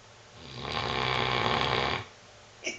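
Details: English Mastiff dog snoring while lying on his new bed, one rough, breathy snore of about a second and a half with a faint sound at the end; owner says he snores like this all the time.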